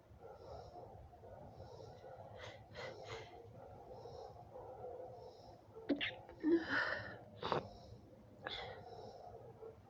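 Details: Woman with allergy, itchy red eyes, itchy throat and a tickling nose: quiet sniffing and a breathy build-up, then a run of sneezes in close succession; an allergic sneezing fit.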